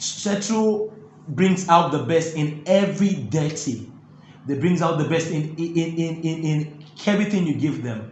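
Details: Stuttering (stammering) in an adult male interviewee who says his stammering makes talking difficult, though his singing flows with ease.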